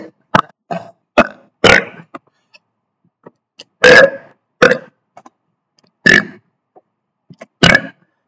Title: Burping for 1 minute 20 seconds straight